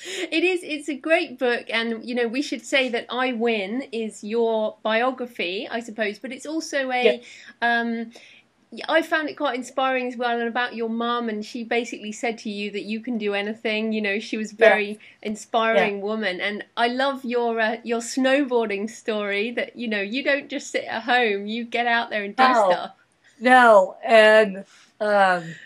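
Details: Adult woman speaking; normal speech.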